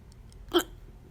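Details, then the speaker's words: A person with a bout of repeated hiccups while talking: a single short, sharp hiccup against a quiet room. "I'm hiccuping a lot in that be knowing so I'll retake this video and post this to my channel"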